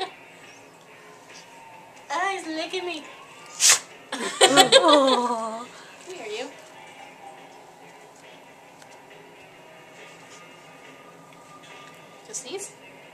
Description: This is Baxter the black lab sneezing on comand.